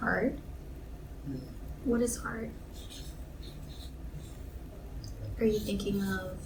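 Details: Adult interviewer; no disorder.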